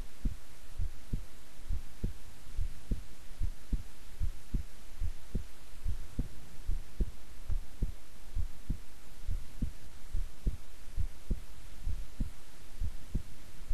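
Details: Own heartbeat recorded at length while staying still and relaxed: steady, soft low thumps at about 70 a minute over a faint hum; normal regular resting heartbeat.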